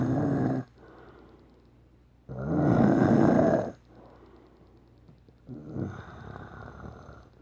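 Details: Snoring: loud, rough, rattling breaths in long bursts with quieter breathing between them.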